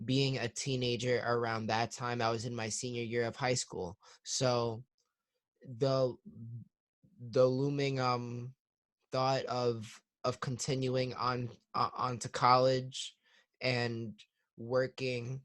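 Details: 21-year-old client of a stuttering therapy practice with audible word repetitions and fillers; stuttering.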